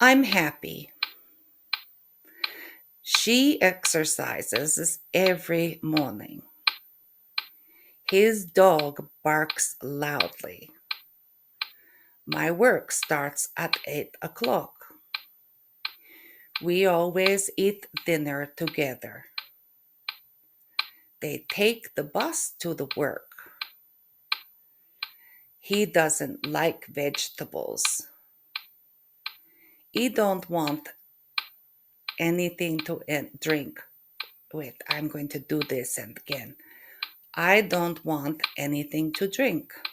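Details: Woman with aphasia from an MRI-identified brain lesion, together with functional neurological disorder, recovering since November 2023; aphasia.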